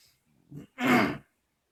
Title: Till, the snoring cat